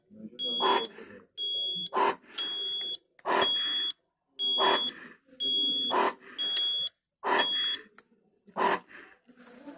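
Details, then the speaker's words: Repeated high-pitched electronic beeps in uneven bursts with talk around them from a ZOLL EMV+ ventilator in a training demo, alarming for low volume limit and respiratory rate settings out of range; ventilator alarm. "Entonces en este caso tenemos dos parámetros uno es el volumen tenemos se nos desactivó el límite bajo y el otro es por la frecuencia Entonces vamos a corregir primero el de la frecuencia"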